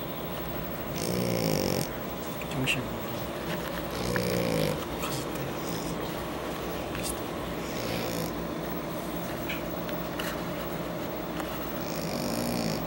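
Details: Shar Pei dog snoring in sleep: rough, rumbling snores over a few breath cycles against steady room noise; ordinary snoring.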